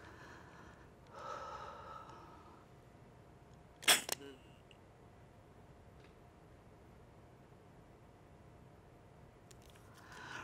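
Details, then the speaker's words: Metered dose inhaler actuated once into a valved holding chamber (spacer) sealed in the mouth, followed by slow three-to-five-second inhalation; sharp puff with faint breathing, tutorial demonstration. "press down the top of the mdi once to actuate the medicine and release the aerosol spray breathe in slowly over at least three to five seconds like sipping hot soup until you can't breathe in anymore"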